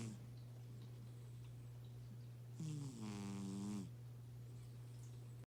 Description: A very tired cat snoring loudly.😊